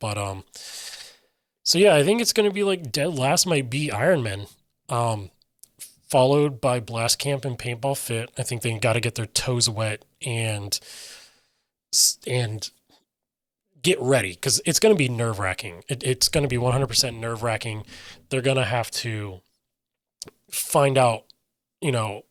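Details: Adult male with self-reported aphasia: difficulty articulating intended meaning and getting words out, sometimes substituting words then trying to get back to the intended one, describes his own speech as scattered; aphasia.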